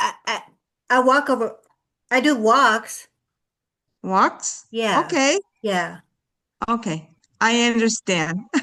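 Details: Adult woman with lifelong aphasia after a severe stroke in 2012, with difficulty putting words together; aphasia.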